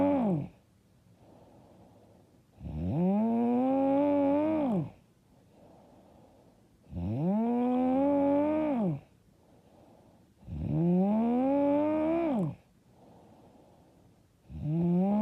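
Loud, rumbling snores on each in-breath, about 15 breaths a minute, with quiet out-breaths between; heavy snoring.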